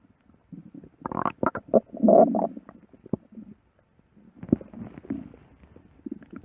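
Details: Stomach growling (borborygmi): irregular gurgling and rumbling bursts from the belly, ordinary bowel sounds.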